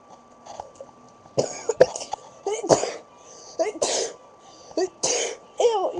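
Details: Several sharp, explosive sneezes in quick succession with a girl's voice between them; a girl who has been sneezing all day, with watery eyes, and who starts sneezing when another person sneezes; a sneezing fit.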